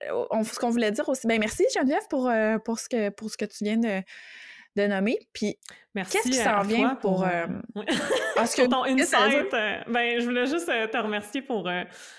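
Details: Adult woman speaking French, conversational podcast; normal fluent speech.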